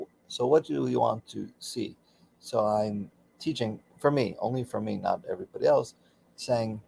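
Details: Aphasia for about 16 years after a stroke during surgery, with right arm and leg affected, in a man still working daily with speech pathology.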